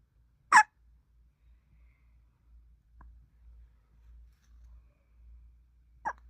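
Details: Sleepy subject with two short, sharp hiccup sounds about five seconds apart over soft, quiet breathing: hiccups.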